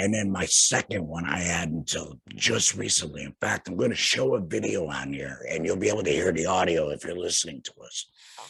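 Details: Laryngectomee speaking with a tracheoesophageal puncture (TEP) voice prosthesis; tracheoesophageal speech after laryngectomy.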